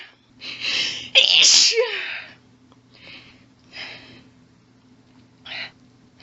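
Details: Female's hitching in-breaths build into one loud sneeze, followed by several smaller sneezes, after stifling; heavy build-up; sneezing fit.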